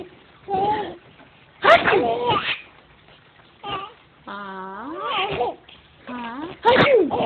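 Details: Pretend sneezes done to make someone laugh: several loud, voiced, exaggerated sneezes with sudden explosive starts, some drawn out, in a quiet room.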